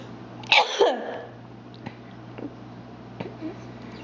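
Two quick, explosive bursts close together, then faint room sounds; a pair of sneezes.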